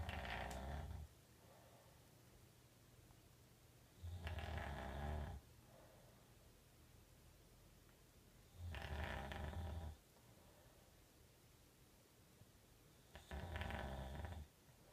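Low rattling snores on each breath in, about 14 a minute, with quiet pauses between; ordinary snoring.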